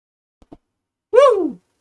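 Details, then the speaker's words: Congested adult sneezing: two quick catching breaths, then one loud voiced sneeze whose pitch falls off at the end. "me I sound like I'm powering up every time I sneeze but you can tell I'm kind of congested"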